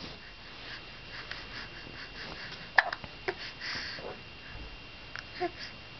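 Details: Soft sniffing breaths with a few abrupt little catches and clicks, faint against room noise, in the morning after waking; hiccups.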